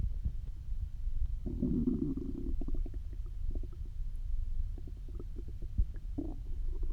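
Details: Hungry stomach growls (borborygmi) after almost 24 hours without eating: low rumbling and gurgling from the belly with bubbling pops.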